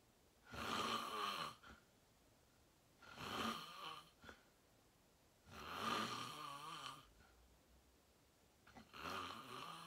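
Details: Real self-recorded sleep; person fell asleep fast, around 8:45, and slept deeply, reportedly REM. Loud, rough snoring on each breath in, about 24 a minute, with quiet pauses between. Loud snoring.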